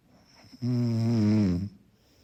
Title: Snoring == Soft and Mellow, Background sound for effortless sleeping.